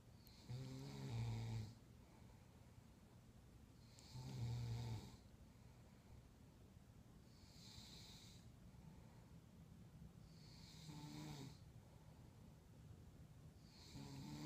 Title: Snoring Grammy!!